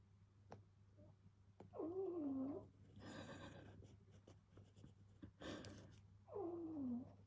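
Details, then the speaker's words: Yorkie snoring that also squeaks and huffs; owner unsure if this is typical of Yorkies. "snoring but she squeaks and she Huffs and I don't know if Yorkies do that in general or whether it's just Rosy it's just a Rosy thing"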